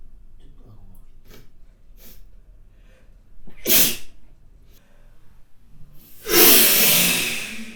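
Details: Two forceful, explosive sneezes after soft breaths, the second longer and louder; repeated sneezing in a spray sneezing sample, recorded with the model's permission.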